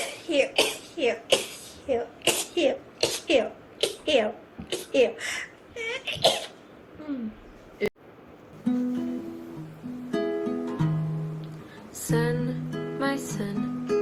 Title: girls sneezing rapidly. #24.|| rapid sneeze.